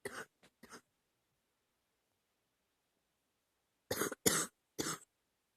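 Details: Two short bouts of coughing, six coughs in all, loose and rough with a pause between; a mild chesty, productive cough recorded while sick last summer.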